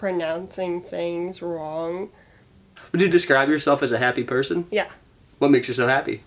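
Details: Adult interviewer; typical speech.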